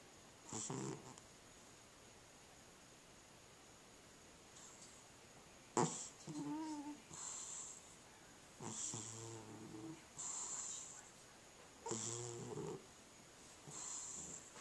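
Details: Sleeping cat snoring: repeated short, wheezy snores, some with a faint whistling tone, over a steady background hiss.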